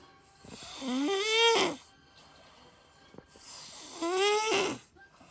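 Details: Two loud, tonal snores rising in pitch on each breath in, quiet pauses between; snoring.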